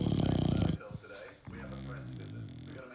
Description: My amazing chow puppy snoring away then having a lick of a lolly pop.